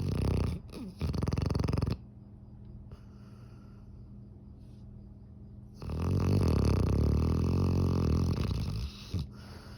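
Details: Sleeping dog snoring: loud, deep rattling snores in long bursts with a quiet pause between each.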